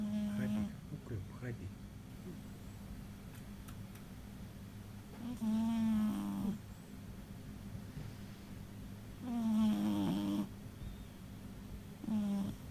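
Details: Sleeping cat snoring over the TV; whistling, buzzing snores every few seconds over a steady room hum; snoring during sleep.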